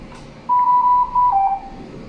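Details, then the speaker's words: Dräger Infinity C500 mechanical ventilator alarm sounding: repeated steady electronic tones, alarm limits covering minute volume, pressure and apnoea time. "aprovechamos acá el sistema de alarmas que está sonando las alarmas podemos estirar turistas arriba a la derecha"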